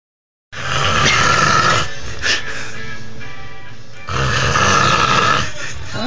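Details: Loud, rough, rattling snore that fills the room in long sustained breaths; the sleeper has been snoring like this for about an hour.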